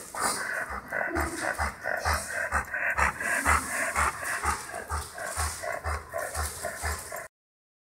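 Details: Dog with noisy breathing: fast, harsh, noisy panting consistent with upper airway stridor, a sound that puts the dog at increased risk of heat stroke in summer.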